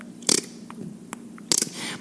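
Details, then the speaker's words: Brief, sharp clicking and popping mouth sounds in a quiet room while recording a podcast: an involuntary tongue-clicking vocal tic of Tourette syndrome that the speaker tries hard to suppress and that people mistake for farting. "the other tick that I have that I try really hard not to do when I'm recording this as I mentioned is when I click my tongue and it's embarrassing because people have asked me if I'm farting when I'm not"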